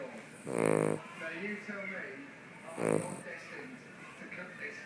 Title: Snoring king Charles cavalier